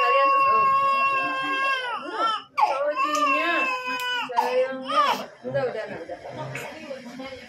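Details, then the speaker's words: Loud, high-pitched sustained wails with breaks for breath; an infant's pain cry after ear piercing with a piercing gun, both ears; adult voices faint in background. "Udah. Dia nangis. Siapa salah ayo?"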